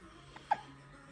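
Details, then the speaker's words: Single short, sharp hiccup from a 60-day-old baby boy over a quiet room background. "You are too old to have the hiccups, young man. You are 60 days old."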